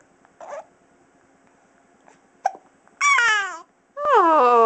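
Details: Baby aged 6½ weeks with hiccups: short, abrupt hics between quiet pauses, then two drawn-out cooing vocalizations while "talking"; infant hiccups.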